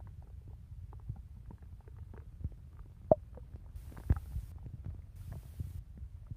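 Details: Stomach growling (borborygmi), with low gurgling rumbles and scattered pops and squelches.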